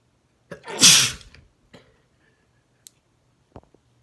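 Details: Male sneezing: one brief in-breath, then a single explosive, wet-sounding sneeze, followed by a few small clicks and sniffs in a quiet room.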